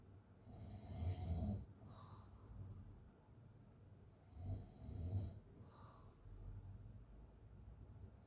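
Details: Open-mouth snoring during sleep: a low rattling snore on each breath in, then a softer breath out, about 16 breaths a minute.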